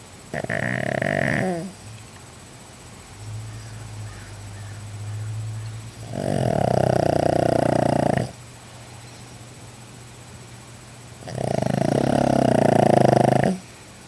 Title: Oscar the pug snores.